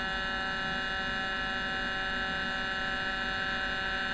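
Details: Steady, loud buzzing drone from a 1.5 Tesla MRI scanner running a 3D contrast venography sequence (arterial phase) of the head, patient head-first in the brain coil; scanner acquisition noise.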